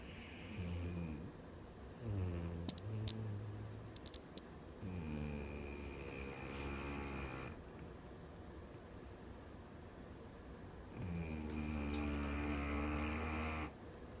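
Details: Dog snoring: loud, rumbling snores on each in-breath with quieter pauses between, irregular rhythm.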